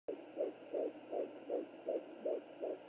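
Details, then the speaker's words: Fetal heartbeat at 12 weeks of pregnancy on a Sonoline B 3 MHz home Doppler: rapid, regular galloping thumps about 160/min, faster and non-swishing, briefly switching to the mother's heartbeat. "the baby's heartbeat. Hear how it's much like faster. It's not swishing. That's the baby."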